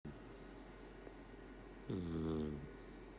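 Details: Sleeping Golden Retriever puppy: quiet breathing, then one short snort with a whiny, vibrating tone on the in-breath; light snoring.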